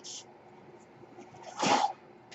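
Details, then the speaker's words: Mechanical ventilator noise from the speaker's own ventilator heard during podcast speech: a brief high hiss, then a louder rushing puff of air in a quiet room. "My name is, that noise you hear is my ventilator."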